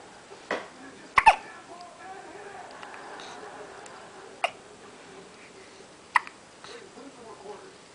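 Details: Repeated hiccups: soft, brief, sharp hiccups every few seconds over low room noise, with faint babbling.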